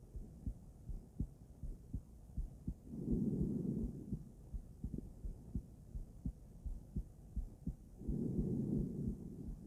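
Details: Female heart auscultated with various stethoscopes at Erb's point, then mitral, tricuspid, aortic and pulmonic areas: soft regular heartbeat, twice masked by rushing breath or handling noise; ordinary heart sounds.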